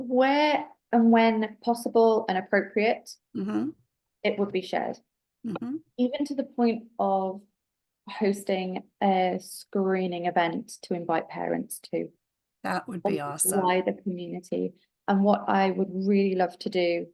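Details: Adult woman speaking; Typical voice.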